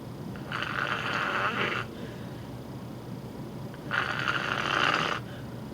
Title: Sleep Apnea Snoring